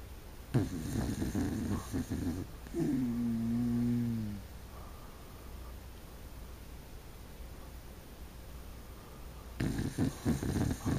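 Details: Wire-haired dachshund snoring: a single low, buzzing snore on an in-breath, with quiet breathing after; ordinary snoring.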